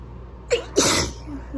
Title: Another sickie sneezing fit! Part 1